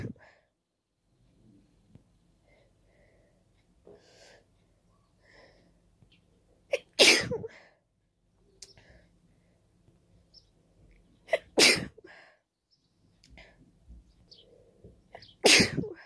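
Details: A quick allergic sneezing fit at the end of spring: three sharp, explosive, itchy sneezes a few seconds apart, each after a brief intake of breath; sneezing.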